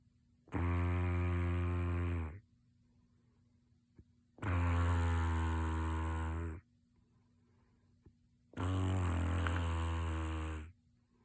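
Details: Heavy snoring from a sleeper who insists they don't snore: loud, low, buzzing snores, each about two seconds long, with quiet pauses between, about 15 a minute.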